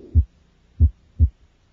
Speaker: the murmur of tricuspid regurgitation is heard at the left sternal border in the subid region the murmur is loudest during inspiration and is softer during expiration listen now to the murmur of TripIt regurgitation